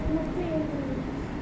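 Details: Adult female patient recorded before voice therapy, with a low, child-like voice of about four months' duration; the clinician calls it a feeble, soft, high-pitched voice and overall dysphonia, treatable with voice therapy.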